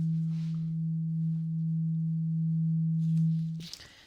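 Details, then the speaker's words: Simulated ear-exam roleplay, patient reporting clogged ears: tuning fork sounded during a mini hearing test, a steady low pure tone about three and a half seconds, then stopping; hearing test tone. "So I have a tuning fork here. When I hit this, it makes a sound. It sounds like this."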